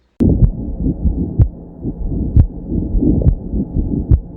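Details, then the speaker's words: Pericardial friction rub heard at the mesocardial region and left sternal border, non-radiating, in both systole and diastole: heart sounds with a rough, scratchy added noise. "respecte les bruits de cœur et le plus vent il est entendu dans les deux temps c'est-à-dire dans le systole et diastole on entend ce frottement de cette"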